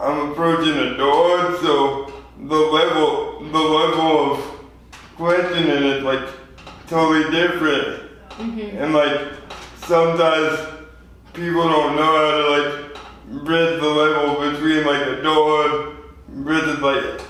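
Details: 24-year-old man with lifelong spastic quadriplegic cerebral palsy from premature birth at 2 lb 4 oz; spastic dysarthria.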